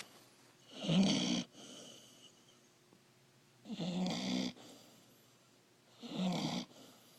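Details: Young puppy snoring: three rough, rattling snores on inhalation roughly every two and a half seconds, with quiet breathing out between them; ordinary snoring.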